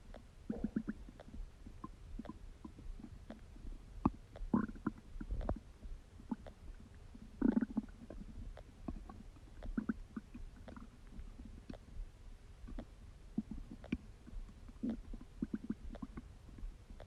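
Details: Adult abdomen during digestion: intermittent gurgles and low rumbling bubbles, ordinary bowel sounds (borborygmi).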